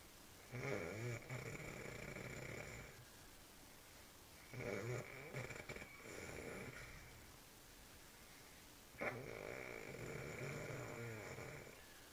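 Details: Three long rasping snores on breathing in, about four seconds apart, with quiet room noise between, from a sleeping man; snoring.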